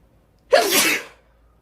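A single sharp, explosive sneeze with a quick catch of breath before it.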